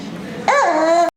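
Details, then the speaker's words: Barky croup cough from a young child, from airway swelling in the neck: one abrupt, harsh, high-pitched honking cough like a seal or a Chihuahua. "your kid ends up having this really funny sounding cough we call it a copy cough or a barky cough it sounds like a seal or like a high pitched dog like a Chihuahua"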